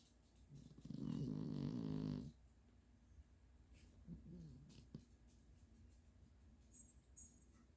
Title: eggs snoring